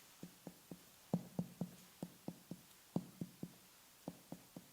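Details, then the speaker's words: Abdominal examination, finger percussion over the abdomen: short, soft, low thuds with little ring, a dull note like that over solid organs, fluid or tumors, in contrast to tympanic bowel. "assessing percussion sounds is helpful in determining the size position and density of abdominal contents solid organs fluids or tumors lead to dull sounds that may sound similar to percussion sounds of the"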